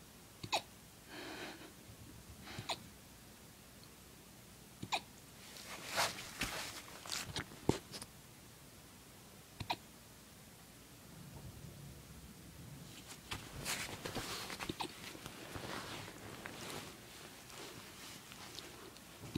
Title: Puppy hiccups